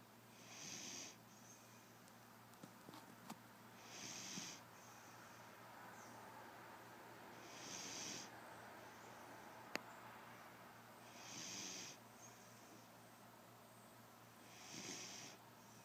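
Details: Sleeping male snoring with his eyes open (he has allergy eyes): soft, airy snorting breaths about every 3.5 seconds, roughly 17 a minute, over quiet room noise.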